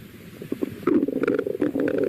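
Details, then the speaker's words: Normal bowel sounds auscultated over the abdomen in a teaching recording: irregular gurgles and soft rumbling clicks from normal peristalsis of the small and large intestines. "Esos son los sonidos. Esos son los movimientos peristálticos normales que hacen nuestros intestinos, tanto delgado como grueso."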